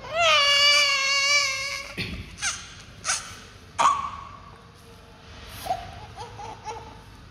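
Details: Newborn baby crying: a loud, high wail of about two seconds, then quieter whimpers and fussing; ordinary newborn crying and fussing.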